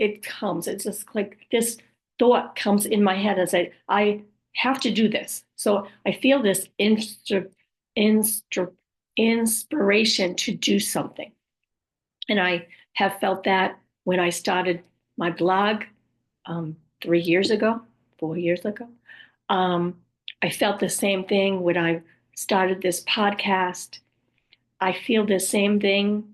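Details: Aphasia with apraxia of speech in an adult woman after a stroke, who also reports other communication challenges and says her speech is sometimes hard to understand; aphasia with apraxia of speech.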